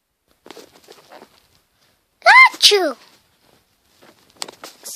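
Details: Person with a cold and a stuffed, plugged nose who can't breathe well: soft background talk, then one sharp two-part sneeze with a rising squeaky onset and a burst of air.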